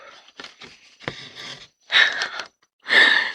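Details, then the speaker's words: An older pet, described as the owner's "little old one", snores softly while the owner works in the office: breathy snuffling snores, roughly one noisy breath burst per second. "On a Wawa qui ronfle."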